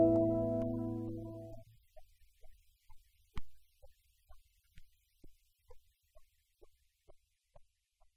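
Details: Fetal heartbeat heard on an Angelsounds fetal Doppler: quick, regular soft pulses at about 130 a minute, after fading music, recorded live during filming.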